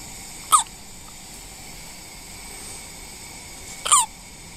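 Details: Baby girl exactly 1 week old, still in the NICU, getting irritated and grabbing at her face: two short, sharp hiccups about three seconds apart against steady room noise; hiccups.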